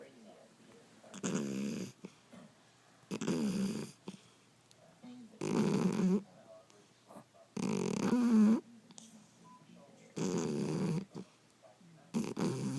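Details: 13-year-old cat asleep in a cat sleeping bag: loud rumbling snores in a slow regular rhythm, about six breaths with quiet gaps between; snoring.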